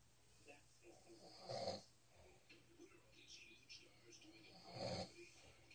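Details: Cat snoring: two soft, rough snoring breaths in a quiet room, with faint sounds between them.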